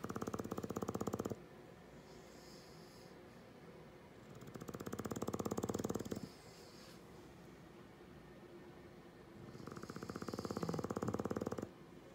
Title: English Bulldog Snoring: English Bulldog sleeping sounds